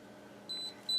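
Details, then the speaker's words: Two high, clean beeps over quiet room noise: a dental curing light timed to 20 seconds ending its cycle while light-curing chairside processing material around a locator housing in a complete denture on a model. "right approximately where that vent hole is and on the facial waiting for my full cure"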